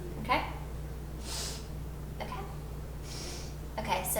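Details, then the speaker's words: Nose examination during health assessment: nostril patency test, one nostril closed at a time; soft nasal airflow with steady room hum, airflow unobstructed, no external lesions or abnormalities. "There are no lesions, and now I'm going to test the patency of your nostrils. I'm just going to close one nostril like this, and you're going to sit like"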